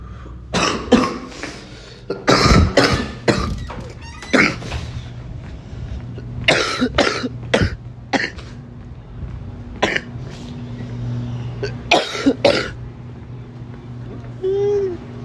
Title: Space Club Grape StarBurst Blinker In Grocery Store Over An Employee In The Stall 😂🔥*Coughing to☠️